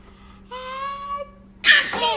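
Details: Sneeze from a young child with new teeth being encouraged to sneeze; sneeze.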